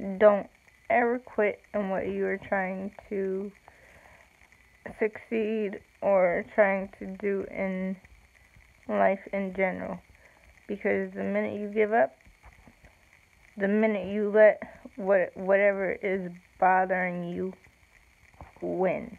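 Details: Woman with self-reported cerebral palsy, no specific speech disorder named; slow speech with long pauses in cerebral palsy.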